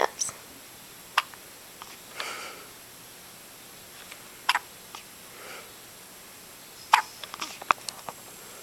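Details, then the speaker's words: Baby with hiccups: a few sharp, brief hiccup-like clicks at irregular intervals with soft breathy sounds in a quiet room. "Have you got the hiccups?"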